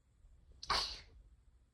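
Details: A single quick, hissing sneeze after a brief in-breath.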